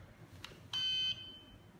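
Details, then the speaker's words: Brief high-pitched beep of an Allied EPV200 ventilator alarm after the circuit was disconnected and a hand was placed over the outlet, sensing too much pressure. "now we're getting an alarm because I just what I undid this I put my hand here it felt too much pressure"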